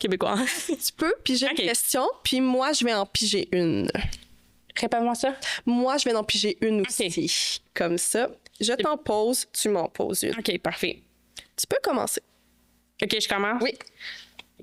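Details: Adult female speaker, conversational Quebec French; typical speech.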